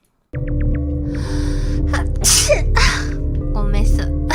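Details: Streamer sneezing repeatedly during a live stream: sharp, gasping sneeze bursts with quick breaths between, over steady background music; sneezing.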